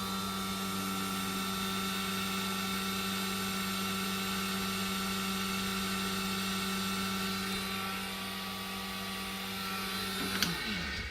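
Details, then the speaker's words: Steady loud droning hum with a whining pitch from an ear-wax suction pump, recorded at patient sitting distance, estimated about 70 to 80 decibels. "And I goes, "Well, that's the suction machine." So he wasn't making reference to the suction noise inside the ear. This is when I had the sucker out of the ear. It was actually the suction pump itself."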